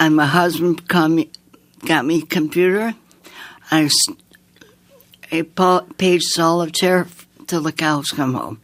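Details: Woman with aphasia after an aneurysm, heart attack and two strokes in 2012 at age 54, with right-side paralysis; relearned speech over nine months with a speech-language pathologist; sings more easily than she talks; speech worse when tired.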